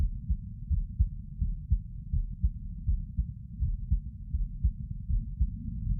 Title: 座り心音～その２かな sitting heart sounds